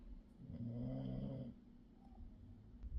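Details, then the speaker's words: Background snoring from a male sleeper in the room, recorded while the speaker talks. "he's snoring I'm sorry if you can hear him snoring but I'm not going to disturb him as I'm filming my TBR"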